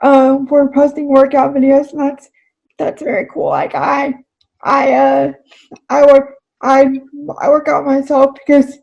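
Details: Adult woman with cerebral palsy who describes herself as spastic, speaking in a real, unacted podcast interview: dysarthria (cerebral palsy).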